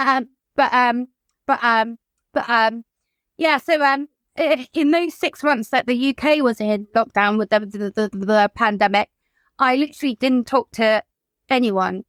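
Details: Adult woman whose childhood stammer recurred in adulthood, brought on by lockdown and the trauma of losing her mother to suicide; repetitions heard; stuttering (stammering).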